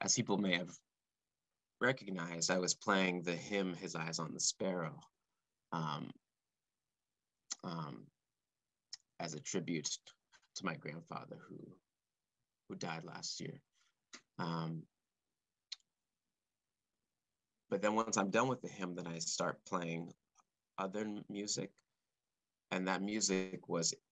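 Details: Male composer who has stuttered since early childhood, speaking live; stuttering.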